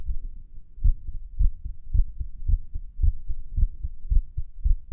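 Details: Heartbeat recorded at Erb's point while lying on the stomach and listening to music; muffled low thumps at about 110 a minute with uneven spacing between some beats; irregular heartbeat.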